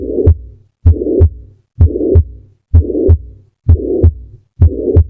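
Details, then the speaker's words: Stethoscope at the apex: regular heartbeat near 64 a minute with a blowing murmur lasting through the whole of systole, beginning to end; holosystolic murmur. "At the apex, you hear a blowing murmur that stretches across the entire systol. Beginning to end, it refuses to stop."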